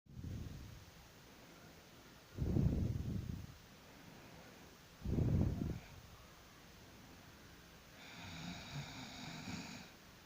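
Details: Person snoring after work: loud, low, rattling snores on breathing in, about two to three a minute, with quiet pauses between; faint beeping near the end.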